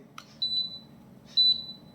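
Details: Two short, high-pitched electronic beeps in a quiet room: a demonstration of a Dentsply Propex Pixi apex locator showing "over," meaning the root canal file has perforated the apical foramen and passed beyond the root.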